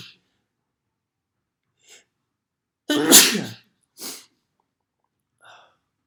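A single loud, explosive sneeze with a sharp hissing burst, preceded by a quick intake of breath and followed by a softer exhale.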